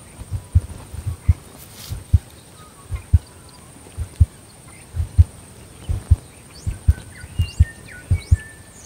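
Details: Paired low thumps at about 70 a minute from a female Border Collie dog born November 2014, with birdsong and a faint high hum behind; normal heart sounds.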